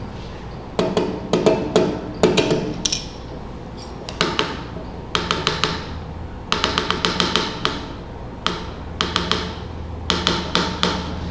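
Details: Pulse demonstrated on the Harvey cardiology simulation mannequin during a vital-signs class: irregularly irregular pulse of atrial fibrillation.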